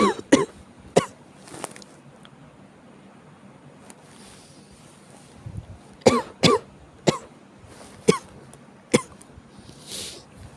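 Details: Around nine short, sharp adult coughs in two scattered clusters separated by a quiet pause, faint room noise between; chills and cough.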